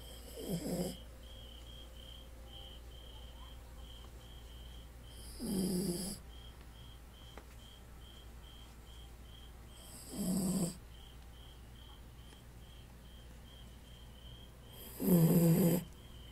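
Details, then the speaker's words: Dog snoring while asleep: four rumbling snores, one every four to five seconds (about 13 breaths a minute), with a faint steady beeping in the background; heard during video editing. "코를 그렇게 골면 어떡해. 미치겠다."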